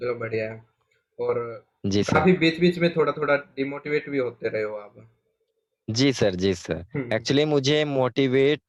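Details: Adult male speech therapist speaking Hindi; normal adult speech.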